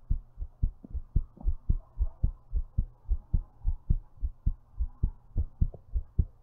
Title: thumpy heart while lying down